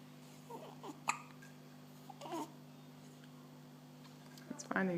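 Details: Newborn baby, 13 days old: several brief, abrupt hiccup sounds with soft infant noises and a steady background hum; newborn hiccups.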